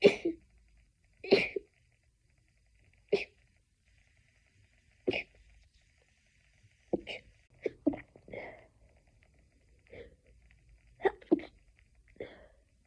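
A run of about ten short, suppressed sneezes in quick succession, some doubled, with held-back bursts and little voice: a stifled sneezing fit.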